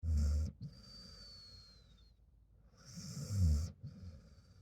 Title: My Dog Has The Cutest Whistling Nose #dog #sleep #snore